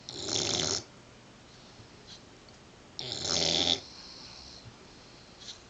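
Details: Snoring in a sleeping Mastiff/Pit-Bull mix puppy, snoring like a man: two loud, rough, rattling breath sounds about three seconds apart in a quiet room.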